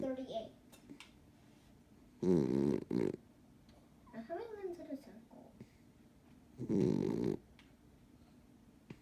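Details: Sleeping dog with two loud, rough, fluttering snores likened to an old man's, a quieter sound between, over faint room noise; snoring.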